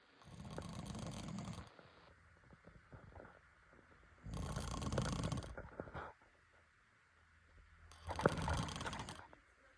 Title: I don’t snore